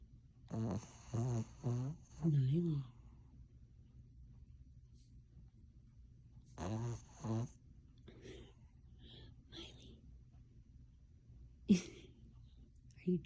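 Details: Sleeping female Cavalier King Charles spaniel, possibly dreaming and taking about two minutes to wake, gives rough, rattly snores in bursts with soft squeaks and sniffs between; ordinary snoring.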